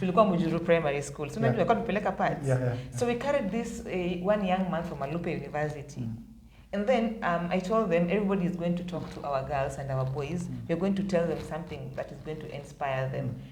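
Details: Adult woman; normal speech.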